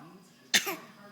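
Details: Young child fake coughing on purpose while an adult asks to hear the bad cough: single short, forced voluntary cough, not from illness.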